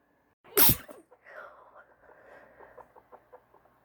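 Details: Allergy-induced sneeze: one loud, sharp sneeze followed by quiet sniffing and rustling; nose tickly from allergies, sneeze easily induced; sneezing.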